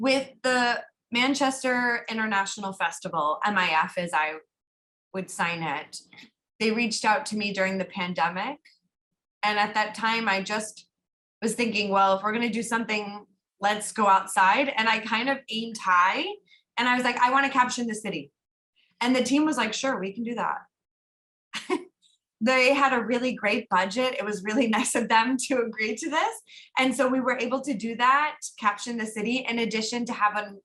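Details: Adult woman speaking; normal speech.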